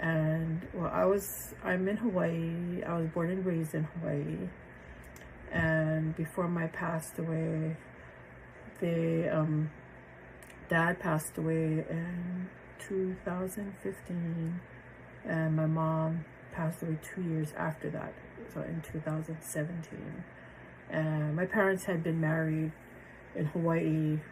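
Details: Aphasia in a woman after a stroke on January 8, 2023; initially she had trouble understanding, could not read, could not find words and struggled to remember numbers, and she has since improved greatly.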